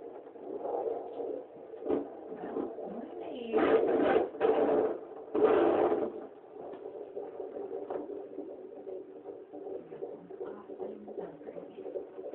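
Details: Fast, whooshing fetal heartbeat through a handheld Doppler, broken by loud scraping bursts as the probe moves; voices guessing the baby is a brother.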